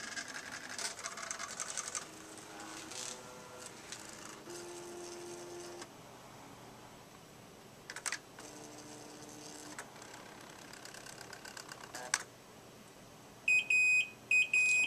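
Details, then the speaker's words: Hospira Plum A+ infusion pump checked per FDA recall: a dry, unused cassette is inserted and the unit turned on, giving pump tones and clicks, then loud repeated high beeps of the cassette-failure alarm. "turn the unit on, and we will listen for the alarm telling us cassette failure."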